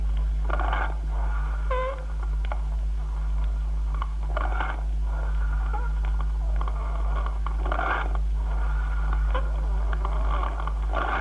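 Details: Cavernous breathing heard on stethoscope chest auscultation.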